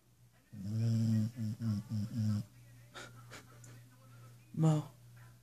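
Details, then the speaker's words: Sleeping dog, described as snoring like a man, snoring louder than the TV: low, rough, rattling snore bursts with a snort near the end and television sound behind; snoring during sleep. "you're snoring MO will you please stop snoring so I can watch my TV please"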